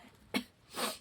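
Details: Adult female folk singer with a hoarse voice and a cold makes a sharp nasal burst, then a hissing stretch of airflow between songs: a sniff or snort from a congested nose.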